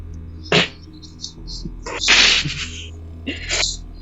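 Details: Forceful sneeze with sharp hissing bursts over steady mains hum, with clicks and room noise, during a gaming session.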